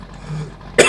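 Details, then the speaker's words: A single short, sharp cough after a brief quiet stretch, from a speaker who apologizes for coughing while playing a farming video game. "Bocs a köhögésért."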